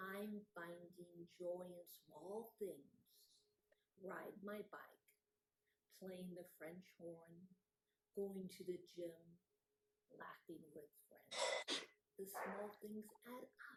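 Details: Non-fluent aphasia in an adult woman after a gunshot wound to the head; she reports the words are in her brain but she struggles to get them out.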